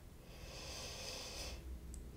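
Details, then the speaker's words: Simulated ASMR doctor check-up roleplay: the examiner listens to the chest while the patient takes slow, deep breaths in and out on cue, heard as a smooth, soft airy hiss without wheeze; normal breath sounds. "i'm gonna um just get up around you and listen to your chest okay okay just relax deep breath in for me deep breath out okay deep breath in deep breath out one more time for me deep breath in"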